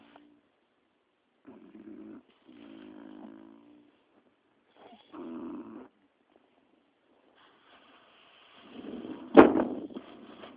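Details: Several low rattling snores in a quiet room, ending with a brief louder snort; snoring.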